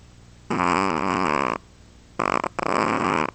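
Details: Sleeper on a pillow gives loud, buzzing snores, one long and one broken in two, separated by a quiet gap, keeping others awake at night; ordinary snoring.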